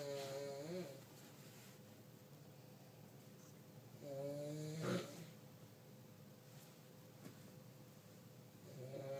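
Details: Grandmother snoring in sleep: slow, rough buzzing breaths a few seconds apart, with quiet pauses between.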